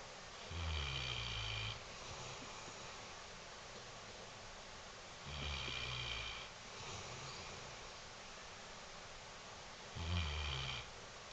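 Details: Sleeping female Mastiff dog snoring: deep, rumbling snores about every five seconds, around 13 breaths a minute; ordinary snoring.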